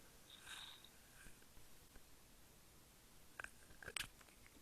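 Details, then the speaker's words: Faint chest sounds with a few brief coarse crackles late in inspiration, in a patient with bronchiectasis and signs including finger clubbing; clinical exam teaching on bronchiectasis and lobectomy. "now it is the sound this sound of the crackles"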